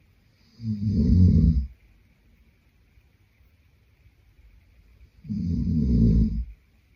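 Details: Snoring from a sleeping adult man (boyfriend), used as white noise.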